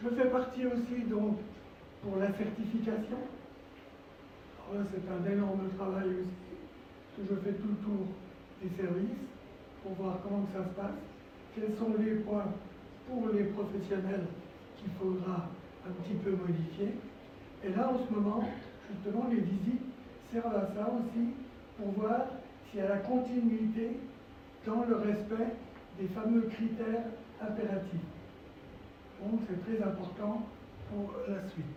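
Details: Dysphonia in a male former nurse with respiratory problems and vocal cord lesions since complications after coronary bypass surgery that required 4 months in intensive care.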